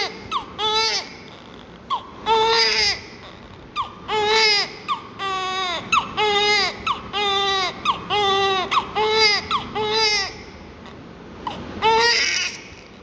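Loud, strong rhythmic newborn crying in repeated bursts with brief catch breaths between, a vigorous cry during suctioning and oxygen care.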